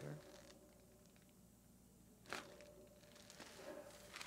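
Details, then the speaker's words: Chiropractic manual adjustment at the neck and upper back, brachial plexus area, in a woman with hiatal hernia: one sharp, loud crack of joint cavitation. "Whoa, that was loud."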